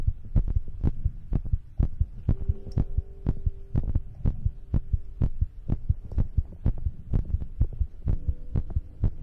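Steady, regular low thumping heartbeats with a faint steady hum in the background; a normal heartbeat.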